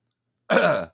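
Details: A single brief voiced throat clear or small cough after silence, from an adult woman during her own recording; she says this happens often while filming and does not know why.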